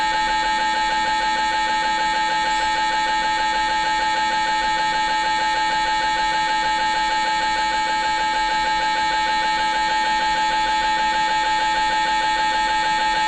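Continuous loud, fast, even droning pulses with a steady pitch: an MRI scanner running an imaging sequence.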